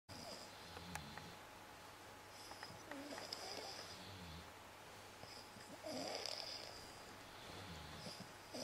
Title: Socks and snoring